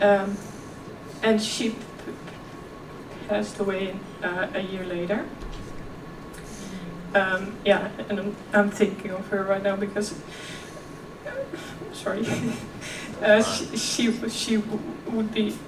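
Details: Real stuttering in a 26-year-old woman who also has OCD; she stuttered effortlessly as a child, and her stuttering is now more struggled.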